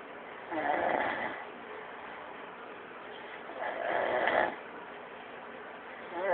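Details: Man snoring: two coarse, rattling inhaled snores in six seconds over steady room hiss, about nineteen breaths a minute.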